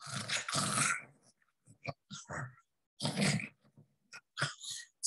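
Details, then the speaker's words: Stertorous respiration in a deeply comatose patient with a relaxed, paralyzed soft palate; heard without a stethoscope, loud coarse snore-like rattling on each breath in and out as the palate vibrates: stertorous respiration. "taurus respiration he's in such a relaxed paralyzed state that the lower the soft palate vibrates every time he breathes in and out and it produces that sound like snoring"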